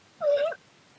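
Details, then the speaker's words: Vocal tic in a teenager with Tourette syndrome: a single brief, high-pitched squeak bursting out against a quiet background, a simple vocal tic. "some examples of verbal ticks are throat clearing making clicking sounds like repeated sniffing yelping or shouting"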